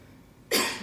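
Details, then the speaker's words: A first-aid instructor imitates a single abrupt, noisy gasp during CPR and defibrillator training. This simulated agonal gasping is not normal breathing, so chest compressions should start. "gasp. Retenez ça. Ok? Ou si elle a un gasp. D'accord?"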